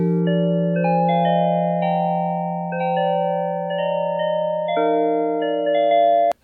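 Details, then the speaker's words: Widex Zen fractal-tone tinnitus therapy from a hearing aid: gentle, randomly wandering chime-like tones over a steady low hum, played to ease tinnitus. "जैसा कि हम इस कार्यक्रम में click करते हैं, यह उन विभिन्न ज़ेन उपचारों का खुलासा करता है जिन्हें आप चुन सकते हैं।"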